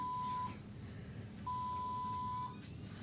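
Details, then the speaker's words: Postpartum hospital stay after emergency c-section: IV infusion pump alarm reporting air in the line despite a full IV bag, repeated steady electronic beeps over quiet room noise. "we have been having the worst time with these damn IV things they beep like I don't know why it's beeping it says there's air in the line there's a full bag of IV"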